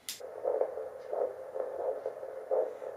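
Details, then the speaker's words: Woman at 10 weeks 2 days pregnant using a home fetal Doppler; rhythmic whooshing pulses over static are her own heartbeat, not the baby's; maternal heartbeat on fetal Doppler. "that's my heartbeat so you can you'll be able to tell"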